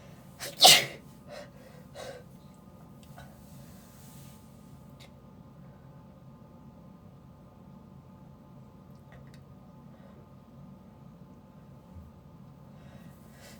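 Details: Person sneezing, recorded on an iPad mini 6th gen: one sharp, explosive sneeze, then a few softer sniffs and quiet room noise.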